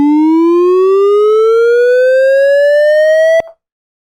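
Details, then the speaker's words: A steady electronic tone rising in pitch for about three and a half seconds, then stopping: simulated defibrillator charging on virtual patient monitor software in a tele-simulation, before a 200-joule shock. "so I can actually give I can actually charge and it's gonna sound like it's charging"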